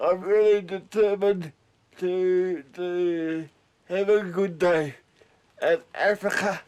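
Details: Dysarthria in a 32-year-old man with cerebral palsy since birth, high-needs and dependent on 24-hour care; speech is slurred, and a caregiver says it slurs more when he is tired.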